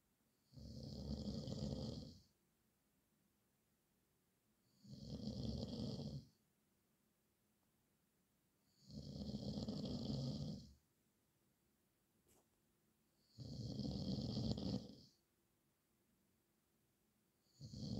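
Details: Snoring described as the nightmare of the recorder's nights: regular, loud, rumbling snores about every four seconds, roughly 15 a minute, with quiet gaps between, showing steady habitual snoring in a quiet room.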